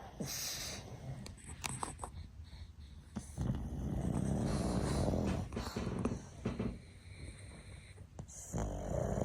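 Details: Three sleeping pugs snoring: low, rough, rattling snores and snorts, some breaths louder and longer than others, with faint room noise.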